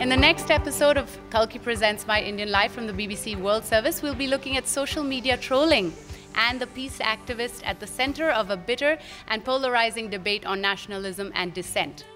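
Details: Adult woman; normal speech.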